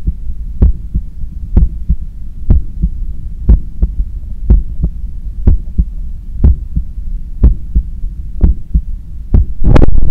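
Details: Normal heart sounds heard at the neck pulse of a runner cooling down after a 10 km run: regular paired lub-dub beats of about 60 a minute over a low steady hum, with a rubbing noise at the end.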